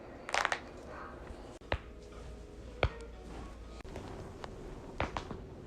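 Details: Several sharp, isolated cracks and pops over quiet room noise, about five in all, from neck or knuckle cracking; joint cracking.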